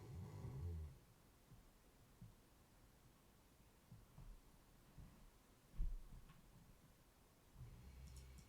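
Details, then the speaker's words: Dog named Bo snoring very loudly in a room during a live stream. "Bobo. Buddy. Your snoring is extremely loud. You're awesome though. Can you guys hear the snoring or not? Because the snoring is very loud for me, man."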